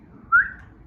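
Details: Whistling vocal tic in Tourette syndrome: a single brief, rising high whistle over faint room noise; an involuntary sound that can be suppressed only with effort.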